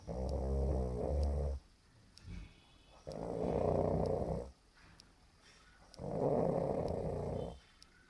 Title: How to Snore with elegance!